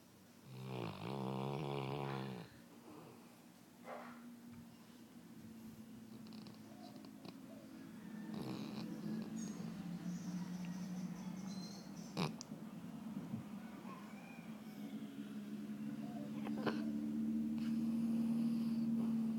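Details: Golden Retriever in deep sleep: a short, loud voiced snort at the start, then a steady low rumbling snore throughout; dog snoring.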